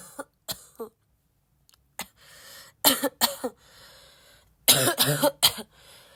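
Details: Person still sick and coughing a lot, tagged as a barking cough: several sharp, harsh coughs in short clusters with some throat clearing between them; repeated coughing during illness.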